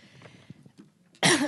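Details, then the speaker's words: After a quiet stretch of low room noise, a single sharp, loud cough ends the clip, from an adult conference speaker who says she has a cough and flu. "excuse me because of how my voice would be a bit irritating because of the cough and flu i'm already having"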